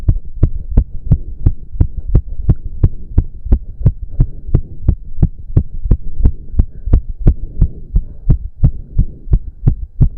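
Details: Male heartbeat during an intense cardio workout, with heavy breathing. Strong, regular pounding at about 176 beats a minute with a steady hum behind it; he reports close to 200 bpm. Exercise sinus tachycardia.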